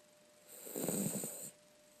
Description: This was just a brief couple seconds of snoring that went on for close to 10 mins...